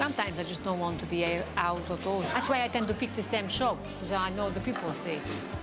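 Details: Foreign accent syndrome in an adult British woman, a native English speaker, acquired after cerebral vasculitis starved language areas of oxygen; she has trouble with sentences and long words.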